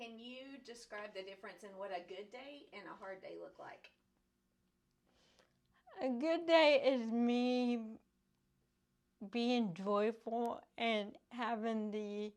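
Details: Adult woman with cerebral palsy caused by lack of oxygen and bleeding in the brain before birth, affecting her speech; dysarthria (cerebral palsy).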